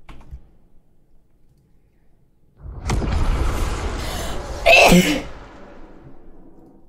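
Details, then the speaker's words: Quiet room, then a loud burst ending in a sharp explosive sneeze during a bout of many sneezes attributed to allergies. "oh my God at least I'm sneezing a lot today and not tomorrow cuz if I was cooking I'm sneezing this much that'd be disgusting"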